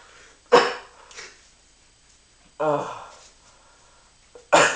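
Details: A person with hard hiccups: three short, voiced hiccup bursts separated by quiet pauses.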